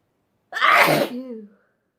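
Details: Sneezing compilation: a single sharp, forceful sneeze ending in a brief voiced trail; an ordinary sneeze.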